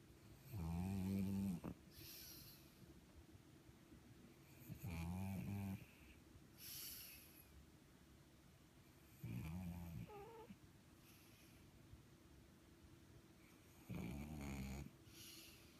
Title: Flattened face pug snoring.